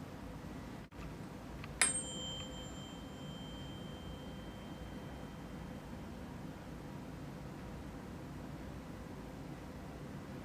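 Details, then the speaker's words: Rinne test with a 512 Hz tuning fork during cranial nerve assessment: a tap, then a faint pure tone fading over seconds, placed at the mastoid and then by the ear; air conduction better than bone conduction, normal hearing. "This is a 512 Hz tuning fork. To activate the tuning fork, you should ping it, like such, or you can tap it on your knee."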